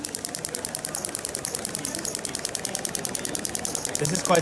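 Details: A Storz Medical radial shockwave (ESWT) device with a PERI-ACTOR knuckle transmitter firing at energy 1.3 for fascia release on an athlete's shoulder: rapid, steady mechanical tapping at about 200 pulses a minute.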